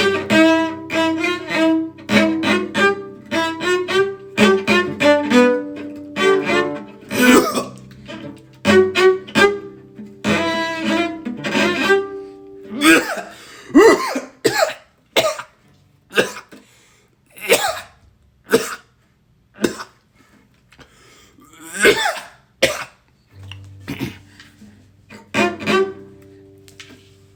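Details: Coughing fit of unknown cause while playing cello: the playing breaks off into a run of repeated, harsh coughs with brief pauses between them.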